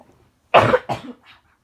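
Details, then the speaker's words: Student with a persistent cough that won't go away, feeling worse, with burning chest pain that hurts to breathe and poor appetite, planning an urgent care visit: two harsh coughs followed by a faint trailing breath. "I'm just gonna stay home because of this stupid cough that just won't go away."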